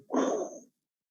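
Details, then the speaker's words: Voiced imitation, not a real recording, of a systolic aortic stenosis murmur: short whoosh swelling fast with an early peak then fading, suggesting mild stenosis. "un soplo rápido, con un pico rápido, probablemente la estenosis sea leve."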